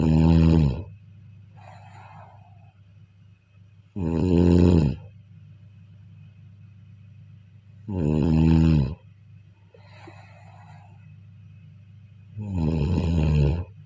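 Loud, rough snores on each inhale, about 15 a minute, with quieter breath sounds between them and a steady low hum behind.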